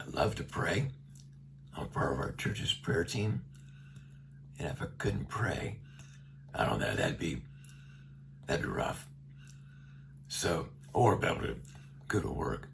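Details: Adult man with a tracheostomy for about a year after neck cancer, speaking through a one-way speaking valve; radiation brought his vocal cords very close together; rough, weak voice he calls gravelly and not loud. Finding: dysphonia with tracheostomy speaking valve.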